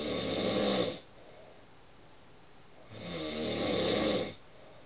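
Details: Husband snoring, which he denies, recorded by his wife as proof; can be deafening: two loud, rough, buzzing snores of about 1.5 seconds each with a quiet breath pause between.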